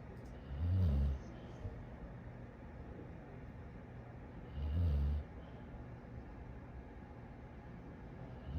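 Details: Dog snoring during sleep: two low, rumbling snores about four seconds apart over steady background hum.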